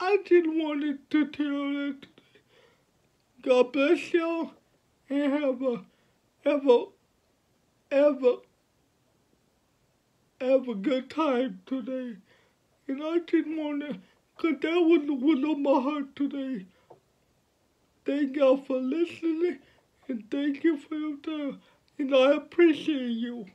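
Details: 29-year-old man with cerebral palsy since birth, born at five months' gestation, speaking about his life and disability; finding: speech in cerebral palsy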